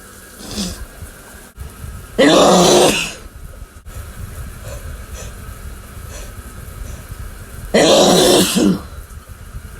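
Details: Two loud, forceful sneezes several seconds apart from a man in the shower, with steady running water in the background; he attributes the sneezing to his cats.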